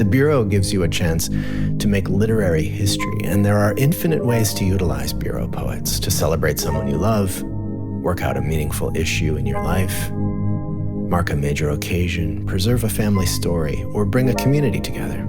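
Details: Adult male speaker; Normal speech.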